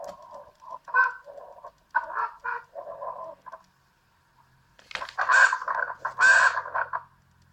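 Breath sounds carry repeated high, musical whistling and squeaking wheezes in bursts across breaths, the wheezing of obstructive bronchitis or bronchiolitis.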